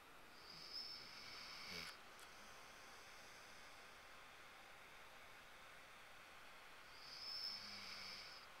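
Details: Sleeping dog snoring: two slow, airy snoring breaths with a thin, high nasal whistle.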